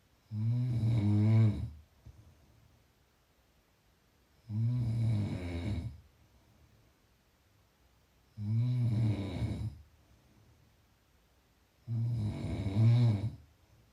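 Deep, rumbling snores on each in-breath, about 15 a minute, with quiet pauses between. Ordinary sleep snoring.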